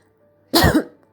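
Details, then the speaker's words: Dry cough in tuberculous lung infiltrate (opacity on X-ray without cavitation): a single short, dry cough with no mucus rattle, part of a periodic daytime cough that brings up no sputum and that the patient often ignores. "у людей появляется периодическое сухое покашливание не завершающееся отделением мокроты она возникает больше в дневные часы и сам пациент обычно не обращает на него внимание Вот как оно звучит"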